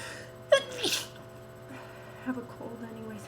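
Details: Person with a really bad cold and bad allergies: a single sharp, very wet sneeze after a brief intake of breath, then quiet sniffling and a faint groan.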